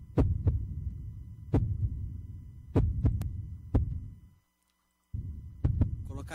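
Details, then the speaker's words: Human heartbeat played during sermon, likened to drums: deep, regular paired thumps, about 50 per minute, low hum underneath; normal rhythm. "De novo. Esse é o som do coração humano. Lembra o quê? Tambores. Você reparou? É o pulsar."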